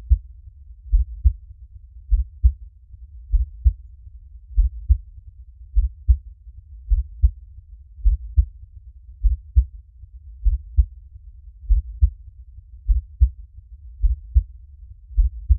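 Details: Steady, low lub-dub heartbeat at about 52 beats a minute, a 30-minute relaxation heartbeat recording.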